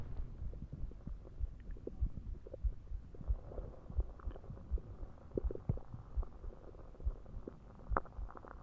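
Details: Recording made after drinking soda: soft, regular, low heartbeat thumps at about 70 per minute mixed with gurgling stomach growls; a heartbeat with bowel sounds.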